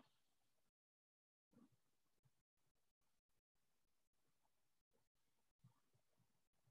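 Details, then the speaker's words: Normal-hearing reference simulation: low, steady rumble of a moving train interior at ordinary volume, broken by abrupt silent gaps. "this is that normal listening normal listener that you were hearing earlier with the child's voice so that's a child using a regular normal voice talking to a normal hearing listener"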